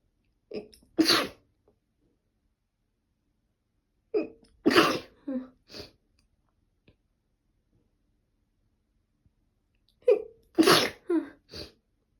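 Three separate sneezes, each with a catching inhale before a forceful burst; repeated allergic sneezing.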